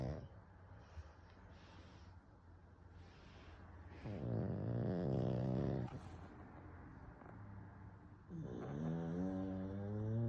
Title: LISTEN to PUGS LOUD snoring #pugsofyoutube